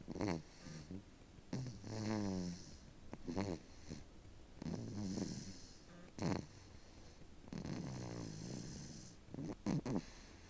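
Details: 6-month-old baby boy snoring: repeated rough, snorting breath sounds, some with a buzzing tone, recurring every second or two.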